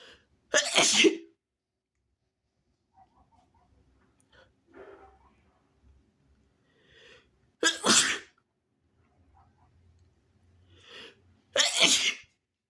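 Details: Induced rapid sneezing: three sharp, explosive sneezes, each followed by quiet breathing in a still room; sneezing.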